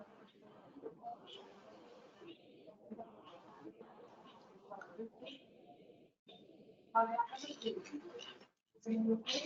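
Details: Laryngectomy patient speaking with an electrolarynx placed under the chin, its vibration turned into voice: quiet, buzzy, mechanical, monotone speech with louder bursts; electrolarynx speech.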